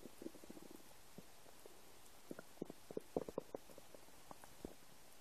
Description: English: New noises of my empty stomach. I hope you like it :3 Have fun and enjoy :D